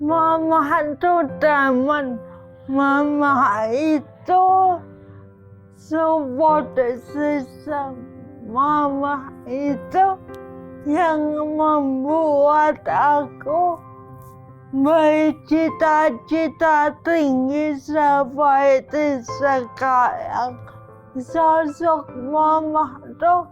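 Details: Dysarthria in a young woman with cerebral palsy caused by brain damage from lack of oxygen at birth; she has had speech therapy.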